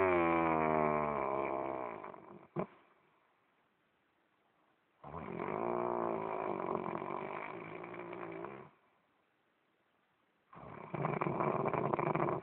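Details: Husband snoring: long, buzzing, tonal snores in repeated breaths separated by silent gaps, with a brief pop interrupting the first.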